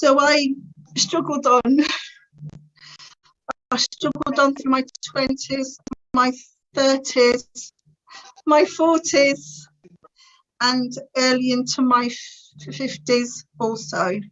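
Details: Stuttering (stammer) in an adult woman since about age three, described as severe and uncontrollable, worst in her teenage years; she later attended a speech therapy course to gain control over it.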